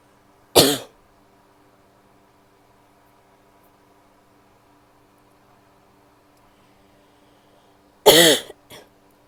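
Two sharp, harsh cough bursts separated by several seconds of quiet; the second is followed by a short trailing cough.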